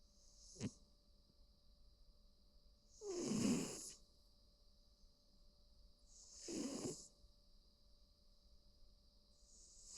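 Two soft, rough snoring breaths a few seconds apart in a quiet room with a faint steady hum.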